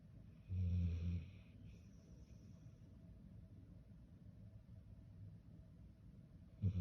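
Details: Soft, low, rumbling snores from a sleeping female puppy, with a quiet stretch of breathing between them; snoring.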